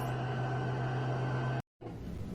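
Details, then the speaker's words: Mechanical insufflation-exsufflation (cough assist) device running, loud jet-engine-like whoosh while the pressure knob is adjusted to the prescribed gauge reading with the control lever held at exhalation, during a respiratory therapist's setup demonstration. "yes it sounds like a jet engine and yes we use it on patience"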